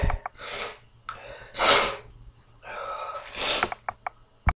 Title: Horny hangover sneezes